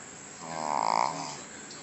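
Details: Snoring Shih Tzu dog named Jack: a single rough, fluttering breath noise swelling and fading over about a second, typical of a small dog snoring.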